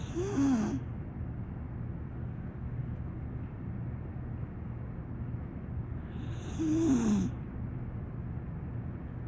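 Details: Female pit bull ("pocket pittie") dog snoring steadily while asleep.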